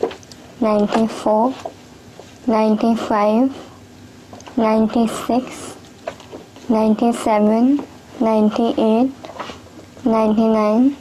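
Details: Audible nasal air emission while counting in a person with cleft lip and palate.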